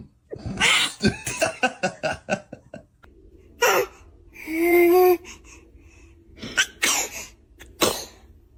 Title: Baby sneezes 🤧🤣 #baby #sneeze #funny #cute #funnybaby